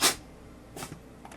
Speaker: So that was the sound of my cat sneezing, if you heard something.